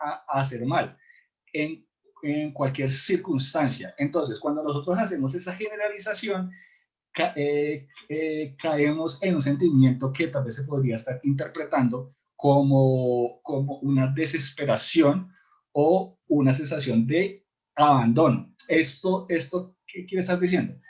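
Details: Adult man who stutters, in a support group for people who stutter; he describes complete blocks and considers it incurable but manageable with ongoing work; stuttering.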